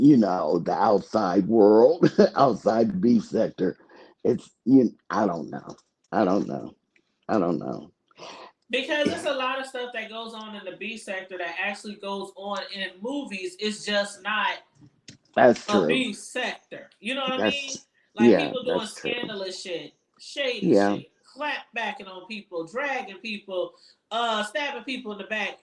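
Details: Adult woman whose vocal cord was accidentally touched during thyroid removal surgery, hoarse altered voice, expects recovery in a couple of months; dysphonia (vocal fold injury after thyroid surgery).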